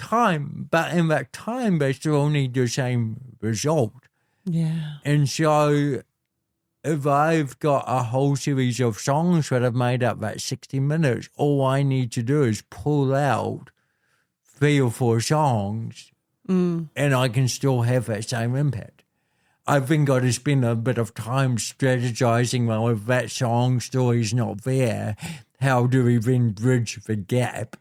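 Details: Adult man born with cerebral palsy affecting how messages travel around his body; told walking and talking would be his biggest challenges: dysarthria (cerebral palsy).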